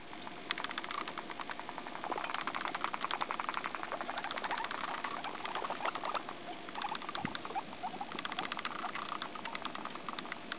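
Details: Guinea pig, possibly the most fearful one, chattering its teeth: rapid bursts of dry clicking, a fearful or warning signal.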